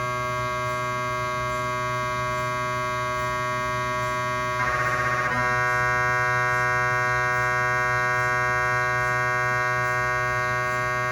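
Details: Loud buzzing drone pulsing about four times a second with a brief tone shift: gradient noise of a cardiac MRI scan on a GE 3T scanner, 8-channel cardiac coil with test phantoms, recorded in the MRI room.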